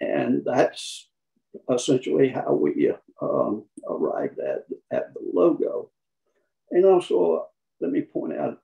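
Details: Man with spasmodic dysphonia, who counts himself among people with the condition; the finding is spasmodic dysphonia.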